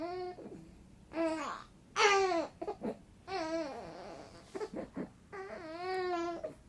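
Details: Sleepy baby: several short, wavering fussy cries and whimpers in a quiet room; infant cry.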